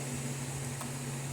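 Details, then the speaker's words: Steady hum and hiss of a nebulizer compressor treating a sleeping baby held by the mother; the baby has a dry cough that worsens toward evening, and the mother worries about bronchiolitis. "Tô aqui tentando da nebulização nele comoo é melhor dormindo mesmo tentando segurar"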